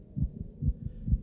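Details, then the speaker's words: Soft low thumps in pairs, about two beats in just over a second: the presenter's own normal heartbeat recorded with a digital stethoscope strapped to the chest while documenting a performance. "audio recordings and recordings of my own heartbeat during the documenting process which I capture with this digital stethoscope strapped to my chest"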